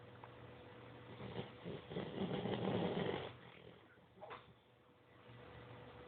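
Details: Etta, a notoriously loud snorer: one drawn-out, rumbling snore on the in-breath, then a brief snort, against a faint steady hum. Snoring.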